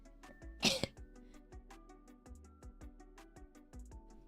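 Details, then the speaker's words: One harsh, noisy cough burst from an adult over soft background music; the speaker says the cough shows how much phlegm is in their lungs. Productive wet cough. "you can hear from that cough how much phlegm is in my lungs. And so, I sound like a garbage disposal."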